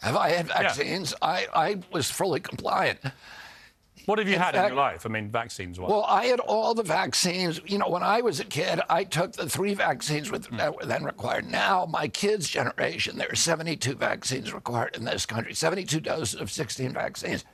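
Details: Adult man with spasmodic dysphonia (which he calls spasmodic dystonia), a neurological disorder that began after a 1996 injury at age 42 and makes his vocal cords tighten constantly; not a tissue injury; surgery in Kyoto about eight months earlier, now on alternative therapies.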